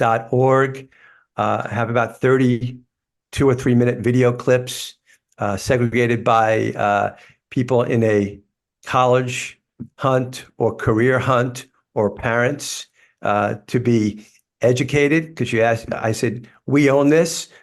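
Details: Adult man with lifelong stuttering, which he describes as a neurological condition that worsens when he is tired; stuttering.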